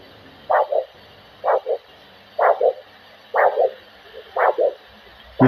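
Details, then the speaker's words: Handheld Doppler held at 45 degrees over the posterior tibial artery in a foot vascular assessment OSCE, volume up: repeating whooshing pulses about 62 a minute, one sound followed closely by two; normal triphasic arterial signal. "can hear three Sounds here you've got to listen very careful you've got one sound and then two sounds that follow quite closely so it's wash"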